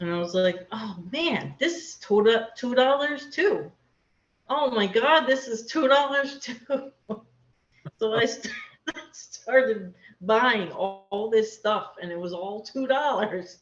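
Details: Aphasia in an adult woman after a hemorrhagic stroke; she could not talk for two years afterward and still has word-finding difficulty.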